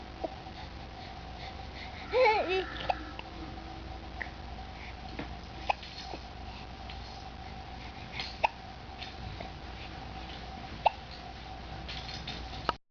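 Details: Hiccups in someone who pushes up and gets annoyed: brief sharp hiccup catches every few seconds against steady room hum, with a short babble of voice early on.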